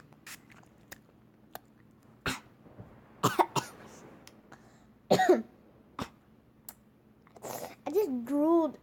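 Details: Several short, sharp coughs and throat clearing with brief vocal sounds between, from throat irritation after taking Warheads super sour watermelon spray candy as a penalty while playing Geometry Dash.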